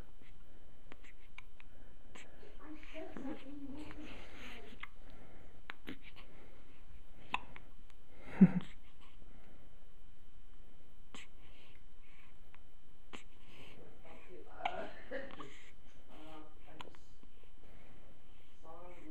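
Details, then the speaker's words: Cat that also sneezed giving a few faint, sharp hiccup bursts, one louder than the rest, over quiet room sound. "Abby oh bless you bless you do you have the hiccups yeah"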